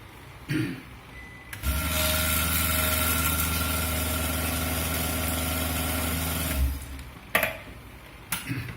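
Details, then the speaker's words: Dental amalgamator mixing a capsule of Silverfil zero-mercury amalgam alternative for about five seconds: steady motor hum with rapid vibration, then stopping. "As you can see, just 5 seconds is sufficient."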